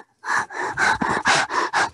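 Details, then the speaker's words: An adult imitates the harsh, rasping, repeated breath noise heard by stethoscope over the lungs and trachea of a child with a seal-like barking cough. This is simulated stridor of croup. "entonces ustedes sacan su estetoscopio que estén colgados siempre de escuchan los pulmones y escuchan un ruido así horrendo sirve"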